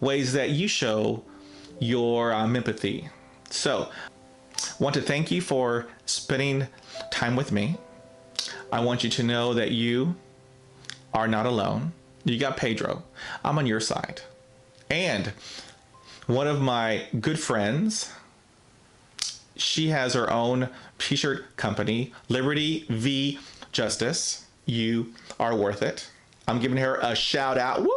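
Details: Adult man, real case, self-described person who stutters; stuttering.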